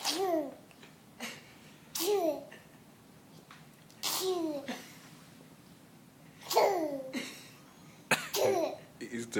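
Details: Baby boy imitating his mother's sneezing, even copying her eyes: repeated short sneeze-like bursts with an adult voice briefly between them; imitated sneeze.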